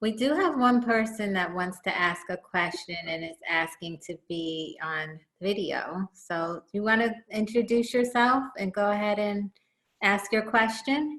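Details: Adult woman; typical speech.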